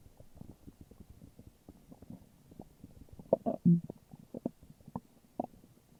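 Low bubbling, gurgling rumbles with a few louder squelching gurgles, ordinary stomach growling.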